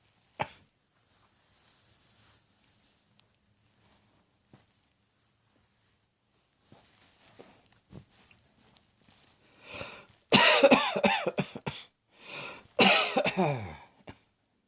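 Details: Quiet breaths, then two bursts of several harsh coughs in quick succession, the last trailing into a groan; coughing.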